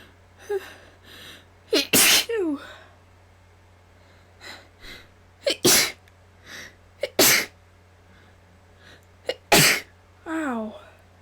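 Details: Self-induced sneezes: four forceful sneezes, each preceded by a quick gasping intake, with softer breaths and small sounds between them; sneezing.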